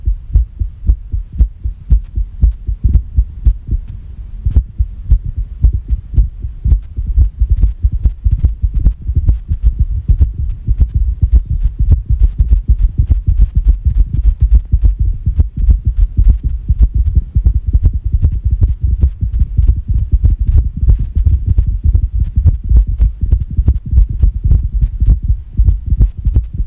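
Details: Irregular heartbeat recorded after a shock, after which the heart reportedly stopped for 9 seconds: rapid low heart thumps with uneven spacing between beats.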